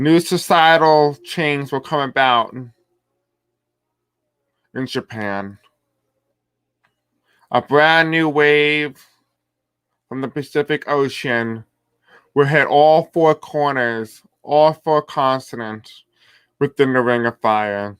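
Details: Male speaker who reports having a deaf accent and difficulty pronouncing certain words: deaf speech.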